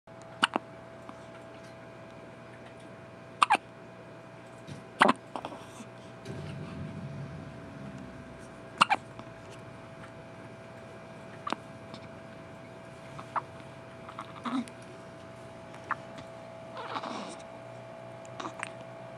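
Short, sharp catches at irregular intervals over a steady room hum, about a dozen in twenty seconds; infant hiccups.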